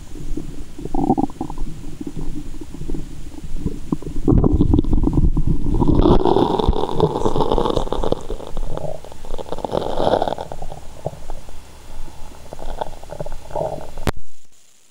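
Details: Stethoscope over the belly button after candy and fizzy Japanese soda, with belly waves: loud, long gurgling rumbles with some sloshing; active bowel sounds (borborygmi).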